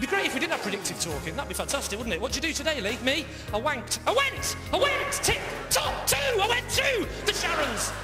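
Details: Acted imitation by a comedian of Tourette syndrome, with involuntary words and swearing interrupting a sentence; Tourette syndrome vocal tics (imitation).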